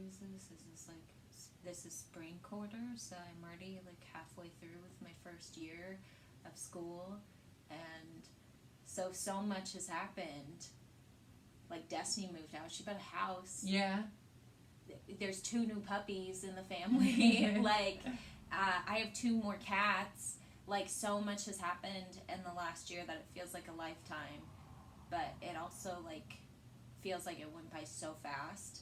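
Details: Young adult woman; typical speech.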